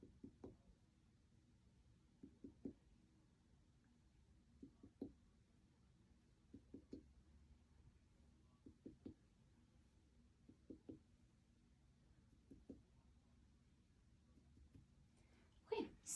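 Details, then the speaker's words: Abdominal percussion during a nursing head-to-toe assessment demonstration, tapping two spots in each quadrant: soft paired finger-tap notes giving hollow tympany in all four quadrants, judged normal. "next i'm going to percuss the abdomen so i'm just going to do it two spots in each quadrant"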